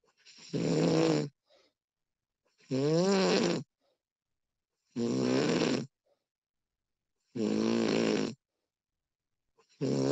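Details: Snoring recording of a sleeping adult woman: regular, droning, slightly wavering snores about 26 a minute with silence between; ordinary sleep snoring.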